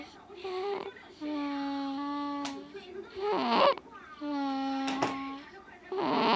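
Long, steady, high-pitched wails with short breaths between them, the sustained crying of an infant in a small room.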